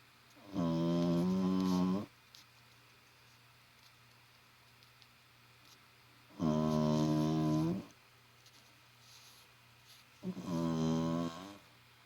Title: 18 year old snoring Wally Wags